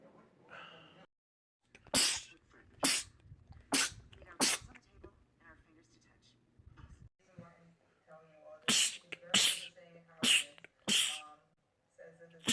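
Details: Male rapid sneezing attack: rapid bursts of sharp sneezes, four in quick succession then another run of four, with men talking and "bless you" between them; sneezing.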